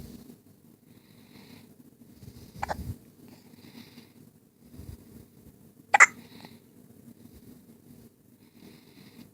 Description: One day old with some serious hiccups